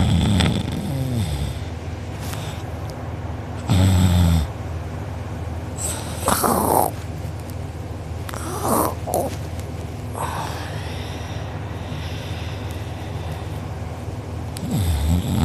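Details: Loud rattling snores with each breath, about 12 a minute, in a noisy room, recorded by a sibling during deep sleep; mouth open and drooling, uvula and soft palate sore afterward: heavy open-mouth snoring.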